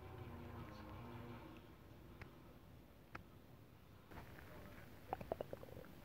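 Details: Adult's stomach rumbling after eating a whole pot of Japanese nabe stew, recorded with belly rubbing and oil massage: low gurgling growl, soft clicks, bubbly pops; borborygmi, faint TV in background.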